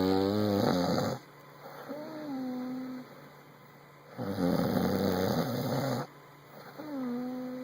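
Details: Sleeping man: two loud, rough, rattling breaths about 3 seconds apart, each followed by a quieter whistling outbreath, over a steady high room hum; snoring.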